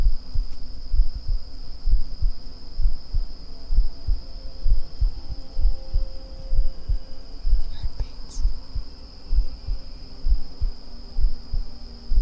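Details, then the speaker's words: Steady, soft human heartbeat at about 65 a minute, normal heart sounds, on an ASMR recording with constant cricket chirping in the background. "Can you hear my heartbeat? Can you hear my lungs?"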